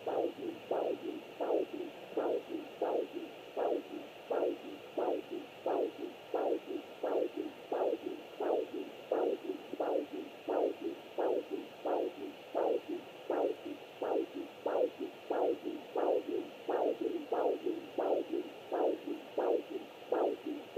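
Steady rhythmic whooshing pulses of a fetal heartbeat picked up by a handheld Doppler.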